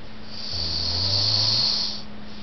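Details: Adult snoring after beer and pizza: a single drawn-out snore with a low rattle and hissy airflow noise, lasting about a second and a half.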